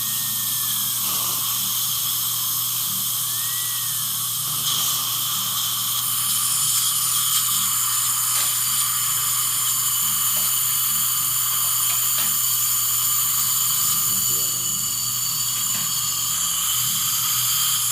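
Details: Continuous high whine and hiss over a low steady hum as a dental drill runs with water irrigation during upper mini dental implant placement in a female long-time denture wearer, after the first implant is in.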